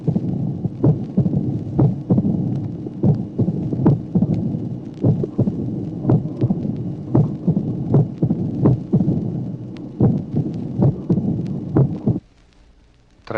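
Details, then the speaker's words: Tracing 26 from a 1966 teaching record: mitral stenosis complicated by atrial fibrillation and pulmonary hypertension, with an irregular rhythm, a loud first sound, an opening snap and a diastolic rumble of variable intensity. "Tracé numéro 26 illustre un éclat du premier bruit, un claquement d'ouverture et un roulement diastolique d'intensité variable."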